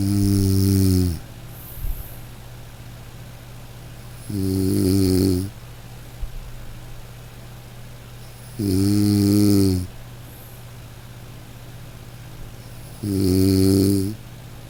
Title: Snoring white noise